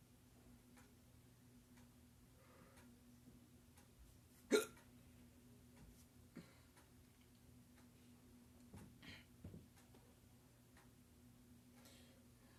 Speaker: Oh, it's still going, man. Oh, God. Oh, God. I can't stop. I can't stop the hiccups, man.